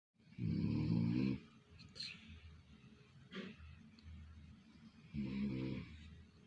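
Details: Person sleeping: loud, rattling, grunting snores on each in-breath, likened to a hungry pig, with quieter breathing between; heavy snoring.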